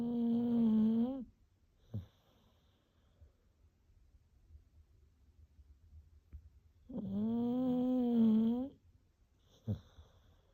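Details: Sleeping dog snoring: two long, tonal, whining snores with rising and falling pitch, each followed by a short snort, in a quiet room.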